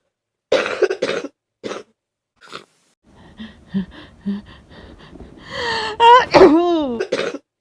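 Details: Person with influenza A confirmed by swab, high fever, body aches, very runny nose and congestion: a burst of harsh congested coughs, then short sniffs, and a drawn-out groan at the end.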